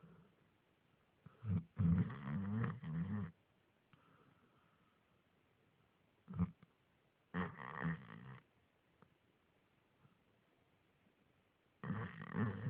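Deep, rough snorting snores in short groups, separated by quiet pauses of a few seconds.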